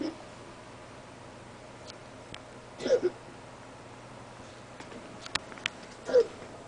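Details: Dog gives two brief, soft coughs separated by a few seconds of quiet room noise.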